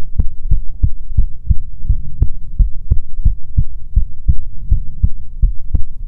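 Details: ASMR heartbeat recording: steady, deep thumping heartbeat, roughly 85 beats a minute, faint hum behind; heartbeat.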